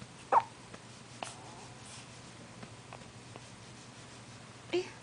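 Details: Three short, abrupt hiccup sounds from an infant girl, spaced a few seconds apart in a quiet room.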